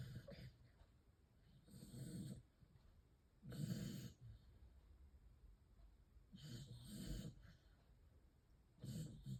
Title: 🔊 小狗狗又做夢💭又打呼💤😴 / 🔊 The dog is snoring and having an exciting dream #snoring #sleep #dog #dream